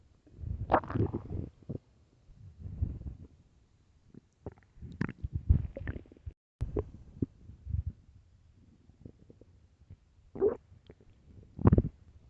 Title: early morning stomach growls (headphones) part 3